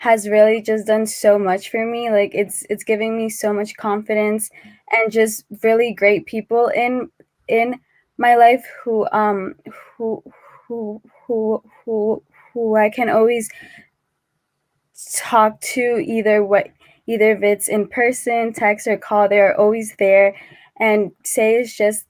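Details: Adult man who stutters, with repetitions and long pauses: stuttering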